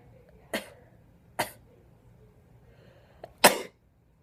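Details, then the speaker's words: Self-induced sneezing by tickling nostril hair with a rolled napkin edge during the third stage of a flu with bad sinus blockage: three sharp, explosive nasal bursts about a second apart in a quiet room, the last loudest. "and you just keep tickling your nose hair and then you can sneeze how many of you want and that helps you to have a lot of snot"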